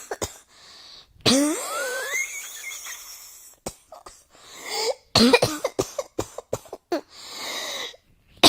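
Repeated harsh coughs with throaty rasping and short whooping-like intakes between bouts, a continuous coughing spell in a quiet room.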